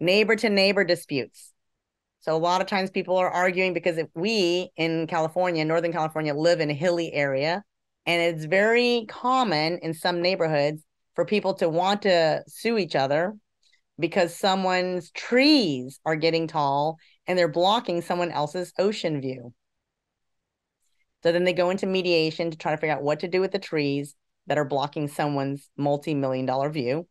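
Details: Adult woman speaking; ordinary speech.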